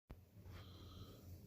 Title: Sleeping Baby White Paw Lynx Point Siamese Tabby Tiger Cat Snoring